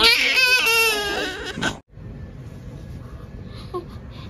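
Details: Premature newborn baby crying in hospital: loud, high-pitched cry under two seconds, then quieter room noise with a fan hum.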